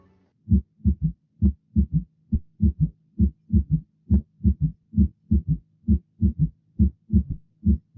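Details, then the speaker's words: Teaching audio of regular low heart sounds in triplets at about 67 a minute, with a soft extra sound just before the first; fourth heart sound gallop, described as always indicating pathology. "Su presencia es lo que denominamos como ritmo de galope y es característico de la insuficiencia cardíaca descompensada. El cuarto ruido cardíaco lo consideraremos en lo operacional siempre indicador de patología."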